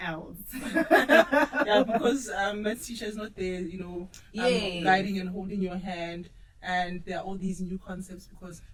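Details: Adult speaker; normal speech.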